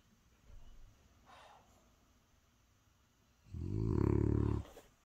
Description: Cute French bulldog Brothers snoring